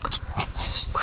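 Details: Loud snoring from a person sleeping in the neighbouring tent: coarse, rattling snorts rumbling through a brief stretch of breathing in a small enclosed space.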